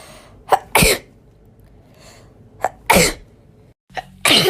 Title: natural sneezing compilation